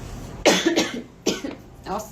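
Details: Adult woman: two short coughs over faint room noise.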